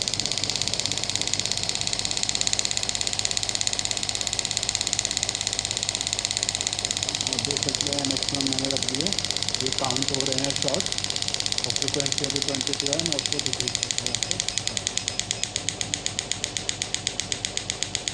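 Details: Biotronix radial pneumatic shockwave (ESWT) device demonstrated, intensity raised with hand removed: rapid steady clicking pulses about 200/min over a loud hiss; device firing.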